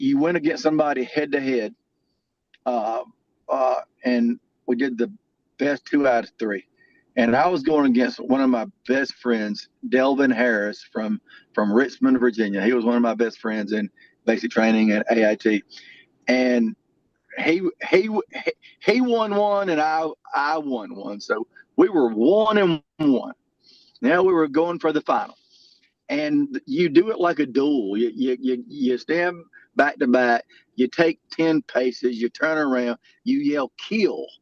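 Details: Adult male lifetime stutterer whose stutter varies and was more severe in childhood; stuttering.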